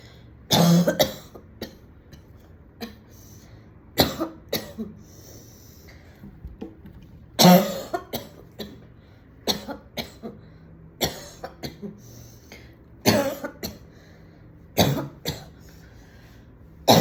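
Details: Repeated harsh coughs in bursts, some rattly, with throat clearing and snorts, from an adult woman at home after smoking a cigarette at a party; cough after cigarette smoking.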